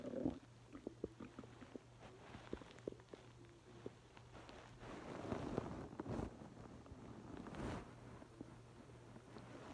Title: Hungry stomach growling